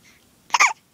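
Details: A single brief, high squeaky catch of breath from a baby girl with hiccups, sounding like a squeaking toy penguin.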